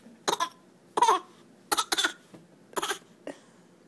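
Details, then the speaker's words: Child producing six short, irregular voluntary cough bursts on request, a deliberately faked cough rather than a spontaneous one. "how's that cough how's your cough how's your cough that's fake"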